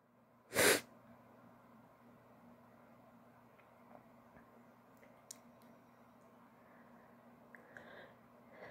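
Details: Simulated wet sneeze from a female in an acted allergy-denial scenario, with her allergies said to be acting up: one sharp, forceful sneeze, then quiet room noise with faint rustling.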